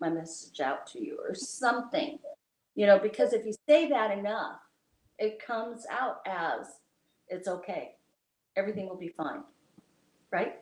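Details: Adult speaker, likely female; ordinary conversational speech.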